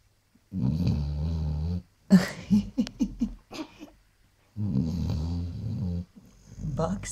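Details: Sleeping Basset Hound snoring: long, deep, droning snores with short snorting sounds between them.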